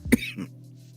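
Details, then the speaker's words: Lingering post-viral cough in an adult after a cold: a single short, dry cough followed by softer throat-clearing, over a faint steady background hum. "yeah so as you can hear the lingering cough um and it may last for a while longer who knows cuz I know some people have gotten this cold and they've had a cough for a month afterwards"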